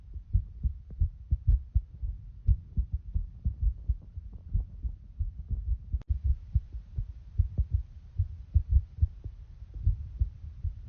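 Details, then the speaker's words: Person recording their own heartbeat through a phone microphone: soft regular low thumps; normal heartbeat. "Right, I heard you could hear your heartbeat. How about through your phone? Right, okay, hold on. I'm gonna figure this out. My regular heartbeat."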